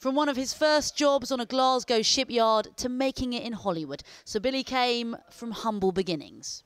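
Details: Adult female news narrator; Normal speech.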